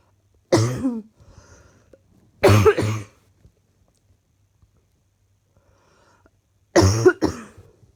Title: Another set of clips from today's coughing